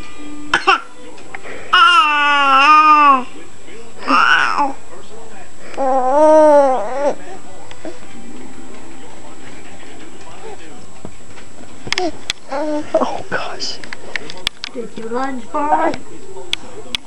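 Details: Infant's playful voluntary (imitated) fake cough: a few short, forced cough-like bursts between voiced babbling and squeals.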